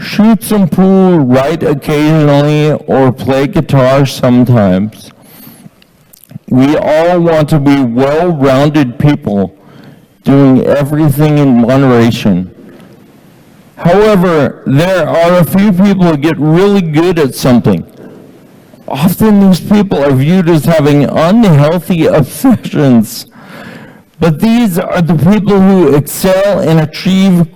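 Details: Ataxic dysarthria from Friedreich's ataxia, diagnosed at age 17, in a man reading aloud a passage from his book.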